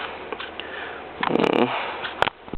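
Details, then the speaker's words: Newly adopted pet rat with near-constant sneezing fits since moving in the day before, rubbing his nose; owner unsure if it's from smelling other animals. "see how he rub his nose like that it's like he's constantly sneezing and I don't know if he's just cuz there's like other animals and he's getting used to the smell"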